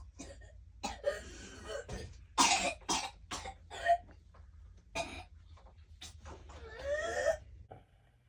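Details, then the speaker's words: Whooping cough (pertussis) that the whole family caught, including the children: repeated harsh coughs in close bursts with rasping throat sounds and a drawn-in breath near the end. "but our entire family caught whooping cough Franco I'm recording okay okay we caught whooping cough I have not heard my children cough like that ever"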